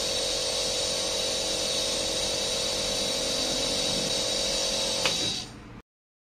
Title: nebulizer machine sound effects